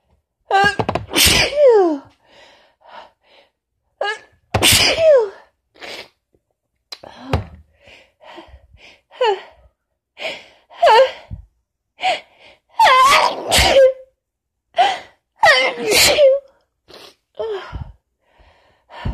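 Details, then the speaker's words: Adult woman on day 4 of a cold plus allergies, voice hoarse: sneezing fit of about eight forceful sneezes, each preceded by a sharp inward gasp, with sniffs and quiet breaths between; persistent tickle. "It does feel good to get them out, and there is still quite a tickle though. Oh, fucking sneezing fits."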